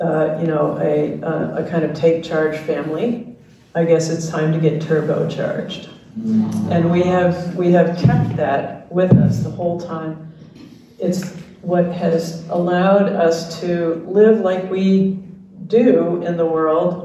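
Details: Dysarthria in an older man, a retired pediatrician, with ALS diagnosed in late 2021; his wife translates his speech, and his jaw trembling is neurologic clonus.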